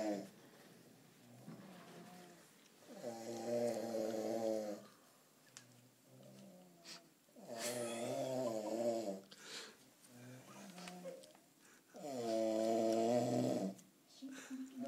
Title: Pelota roncando